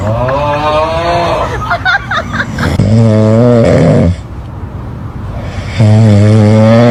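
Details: Sleeping dog gives loud, low, rumbling snores, buzzy and drawn out, separated by quieter pauses: snoring.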